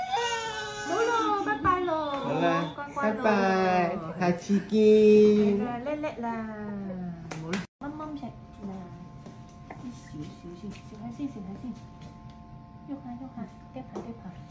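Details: Baby crying after a vaccination injection, before being given polio drops: loud, rising and falling crying that settles into quieter whimpers, with adult talk and room noise; an infant pain cry.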